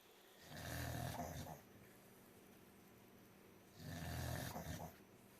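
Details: Small cocker spaniel snoring unusually loudly while sleeping: two long, low, rattling snores about three seconds apart, with quiet breathing between them.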